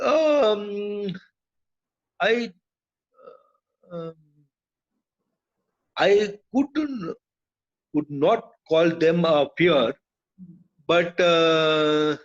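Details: Adult man with aphasia after a brain haemorrhage (burst) stroke hitting his speech centre; told he would never speak again; relearned speech through years of speech therapy; still hesitates and cannot always finish sentences; aphasia after stroke.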